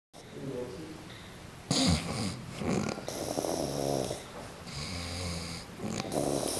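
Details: Snoring from an adult man who fell asleep drunk: loud, rough, rattling sounds with deep vibrating tones alternating with harsher noisy bursts.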